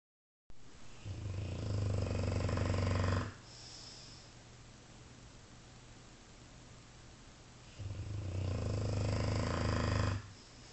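Deep, loud, fluttering snores lasting several seconds each, separated by quieter breathing, over steady background hiss: snoring.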